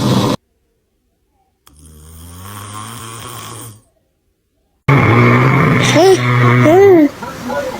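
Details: Dad's low, buzzing snore followed by his baby's loud vocal noises and babble in reaction, in a small room; snoring.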